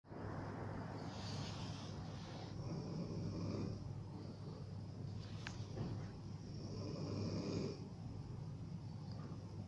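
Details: Snoring in a sleeping person: repeated low rumbling breaths with a rough, fluttering quality over steady background noise.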